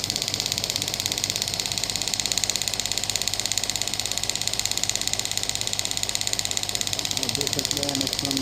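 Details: Rapid, very regular sharp tapping pulses at about 200 a minute over a steady mechanical hiss: a Biotronix pneumatic radial shockwave (ESWT) device firing.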